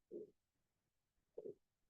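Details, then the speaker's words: Two brief, low gurgling bursts of stomach rumbling from a fitness class instructor mid-exercise, who attributes it to drinking too much water; bowel sounds (borborygmi). "you're lucky you can hear my stomach gurgling every time I went on that side must be drinking too much water"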